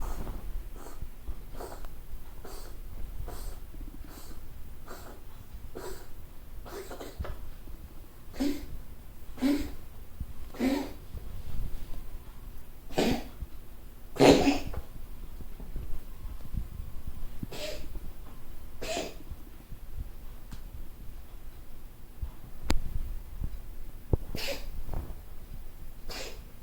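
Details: Cat coughing often during the day for two days, at first thought to be hairballs; owner fears lung or asthma problems: a long run of short, wheezy, hacking coughs, about one a second, in a quiet room.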